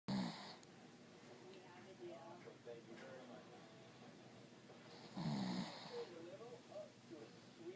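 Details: Two rough snoring breaths about five seconds apart, with faint talk and room noise in the background; snoring.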